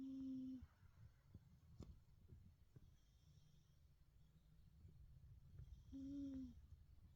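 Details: Sleeping Persian/Himalayan-type pet cat: two soft, whistling, humming snores about six seconds apart in a quiet room; ordinary snoring.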